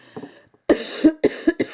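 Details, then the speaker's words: Adult woman still coughing a little after a recent illness with a blocked nose, when she could not breathe through her nose or sleep: short burst of three or four dry coughs; lingering post-illness cough. "You know, when you're so snotty that you can't breathe and you're coughing all the time. I'm still coughing a little bit, as you can hear."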